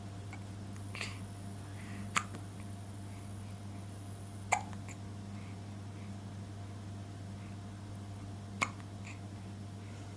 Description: 28/11/2015 with the hiccups.